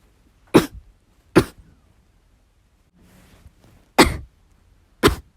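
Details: Four sharp, forceful dry coughs with a quiet breath between; hard, harsh coughing in a person recuperating from illness.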